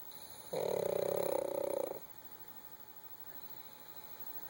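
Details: Female puppy snoring, not at her loudest: one loud buzzing snore lasting about a second and a half with a fast flutter, then quiet breathing.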